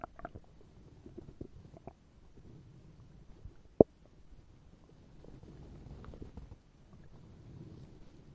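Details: Stomach growling in a role-play listening scene, where a character who forgot to eat today has his growling stomach listened to: stomach growling (borborygmi).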